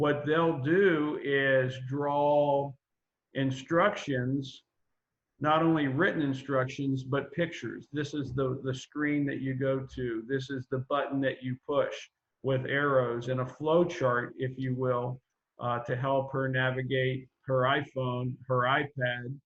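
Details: Adult man speaking; normal speech.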